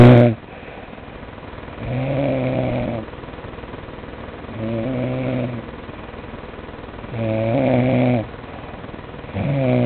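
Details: Person snoring: four loud, rattling snores, one with each breath in, separated by quiet breaths out, about 25 breaths a minute; steady snoring.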